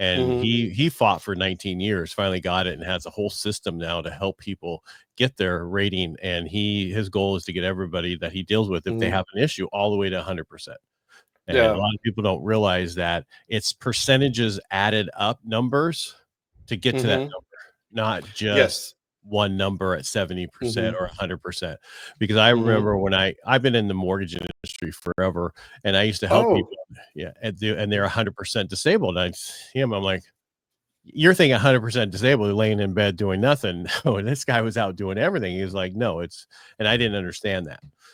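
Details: Adult man speaking; typical speech.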